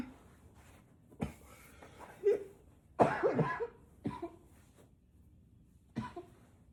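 About five forceful coughs, one a harsh burst, with gasping breaths between them in a small room: intense coughing.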